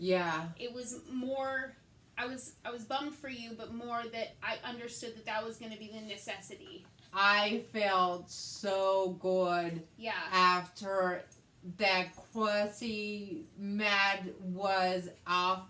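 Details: Adult woman with aphasia after a hemorrhagic stroke in May 2020, treated with brain surgery and ICU care; she also has right-side hemiparesis and reading and writing difficulties; aphasia.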